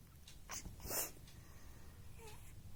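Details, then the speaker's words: Sneeze described as a first-ever recorded sneeze, with a voice exclaiming that a sneeze came: a couple of short, sharp nasal bursts in a small room. "हाँ, आई छींक आ गई, छींक आ गई, छींक आ गई।"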